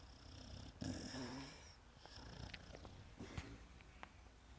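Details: Soft rattling snore, then quieter breathing with small clicks, from a sleeping female Pit Bull described as a loud snorer.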